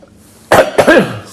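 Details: Adult male with diabetes who is unwell and recovering ("give me a week to get over this"), with blood pressure low at first: two quick, harsh coughs with a throat-clearing quality.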